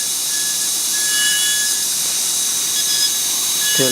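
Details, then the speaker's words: Steady high-pitched whine of a dental drill with a round bur cutting deeper into a broken-down mandibular molar to reach the pulp chamber roof, during root canal access opening training. "Now you can appreciate some darker area start to appear. As you can see this darker area that is appearing over here."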